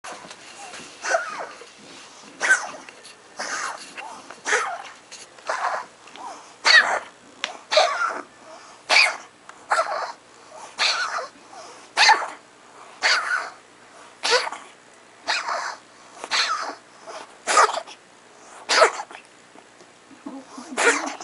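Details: A pet coughs at 11:40 am in a long run of short, harsh, dry bursts, about one per second.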